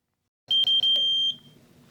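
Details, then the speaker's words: AED power-on tone during gym staff training with a simulated collapsed person lying flat on the floor: a few quick high beeps, then a steady high tone under a second long before the voice prompts begin. "Begin by laying the person flat on their backs on the floor and turn the AED on. It will literally tell you exactly what to do."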